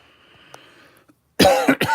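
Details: After a quiet stretch of faint room noise, an adult gives two harsh coughs in quick succession: a lingering post-COVID cough in someone feeling lethargic and low on energy.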